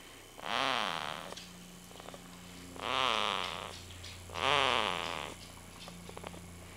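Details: Three loud, rough snoring bursts about every two seconds, each rising and falling in pitch with a rattling, raspy quality over steady room hum.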